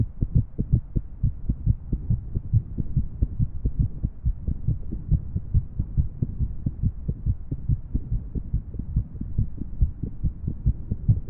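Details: Heart sounds from a female with an irregular heartbeat: fast, low, thudding beats with uneven spacing between them.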